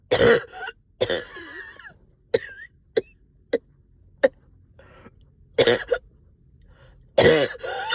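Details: Productive cough after a night up coughing, with chest heaviness and headache: repeated wet, phlegmy coughs, some in short bursts, with throat clearing and groaning between them, stubborn sticky phlegm.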